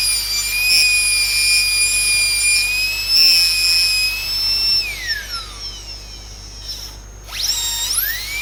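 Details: High-speed dental drill whining steadily, pitch dropping and rising as the bur loads and frees, cutting a secondary flare on the buccal wall of the proximal box, maxillary first molar inlay cavity.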